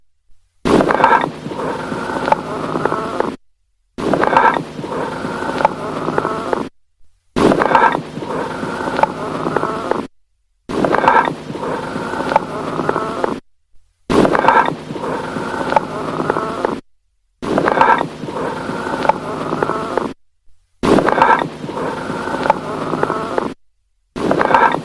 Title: AMPHORIC BREATH SOUNDS | AUSCULTATION | Chris Osei Poku